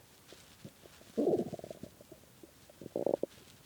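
Two bursts of gurgling, bubbling rumbles with small pops between, in a quiet room: stomach growling from hunger, a normal gut sound.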